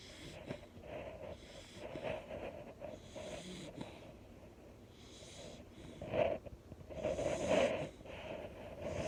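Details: Walter, a mini/English bull terrier, snoring away while relaxing.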